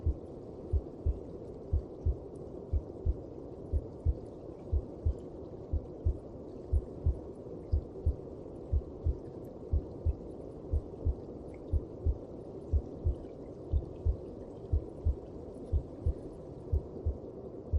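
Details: Heartbeat heard through the mother's abdomen: soft, regular thumping at about 60 per minute under a steady whooshing background.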